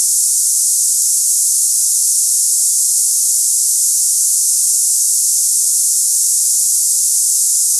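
Steady, high-pitched hiss like cicadas, unchanging throughout; a simulation of hissing-type tinnitus.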